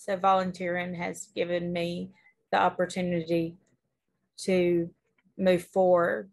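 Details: Woman, former English teacher, diagnosed with primary progressive aphasia in 2018, with word-finding difficulty; primary progressive aphasia.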